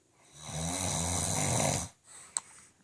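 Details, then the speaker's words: A sleeping father snores very loudly at 2 a.m., keeping the family awake: snoring. "he always wants to talk mess but yet we are sitting here and can't sleep because daddy is snoring so loud"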